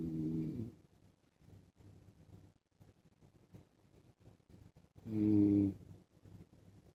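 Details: Adult man snoring in sleep while wearing a mask: two low, buzzing snores about five seconds apart, with soft, faint breathing sounds in between.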